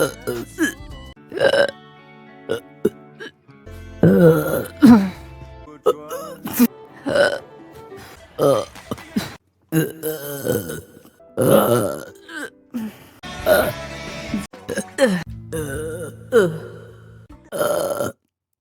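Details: Compilation of a woman's burps from her live streams: a string of loud, voiced burps of varying length over background music; repeated belching.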